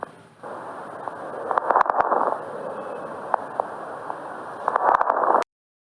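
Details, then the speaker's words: Brief popping and crackling clicks over steady breath noise, bunched in two clusters: lung crackles, from abrupt opening of collapsed airways, heard in pulmonary fibrosis, consolidation and congestion. "crepitación que se produce por la apertura brusca de la vía aérea colapsada se escucha en los casos de fibrosis pulmonar condensación y congestión pulmonar se puede escuchar de la siguiente manera"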